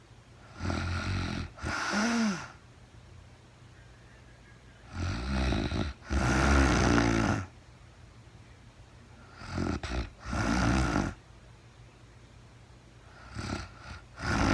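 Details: Real-time recording of a woman asleep at night, no talking, very tired: rhythmic rough snores, about 14 breaths a minute, with a paired rattle on breathing in and out; snoring during sleep.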